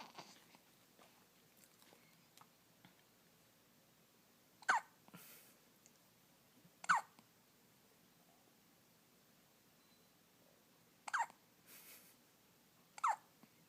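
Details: Baby's first hiccups: four abrupt hiccup sounds at irregular intervals, with a soft breath after some, in a quiet room.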